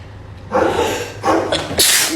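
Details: Three sharp, explosive sneezes in quick succession, triggered by a nasal swab during a COVID-19 swab test.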